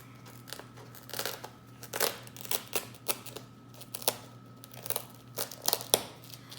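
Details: Short crinkling, tearing bursts: tape peeled from an IV saline lock injection site by a nursing student during a check-off, before catheter removal, in a quiet room.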